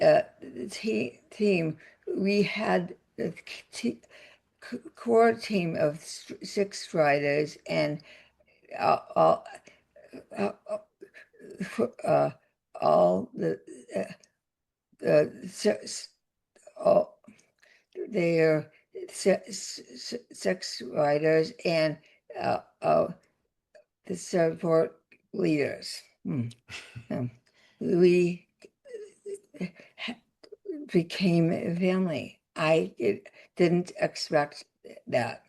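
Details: Aphasia with paralysis after a significant stroke in an adult woman; word-finding pauses and garbled words; aphasia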